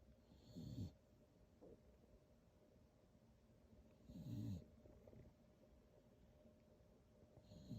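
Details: Sleeping beagle snoring: soft, low, fluttering snores about every three and a half seconds, roughly 17 breaths a minute, with faint room hum; snoring.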